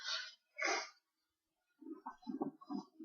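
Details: A person sneezing during a casual conversation: a quick two-part sneeze, a sharp intake then a burst, followed by brief muffled talk: a single sneeze.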